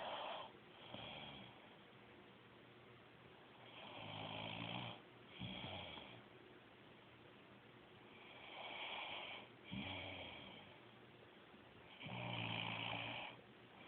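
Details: Sleeping woman snoring, rough, rattling snores on each inhalation with softer sounds on exhalation, about 4-5 breaths a minute; snoring.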